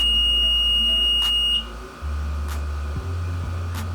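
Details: Loud, shrill, steady start-up beep that cuts off, then a low steady hum as a home oxygen concentrator runs, used daily by a cystic fibrosis patient.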